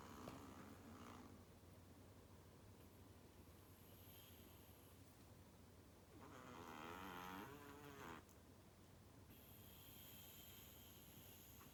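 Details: Soft, faint snoring breaths from a sleeping Chihuahua (Mexican breed) small dog over a steady low room hum.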